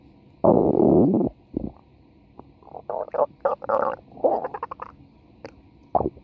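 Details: Gurgling and rumbling stomach growls, a long growl followed by bursts of bubbling gurgles; borborygmi.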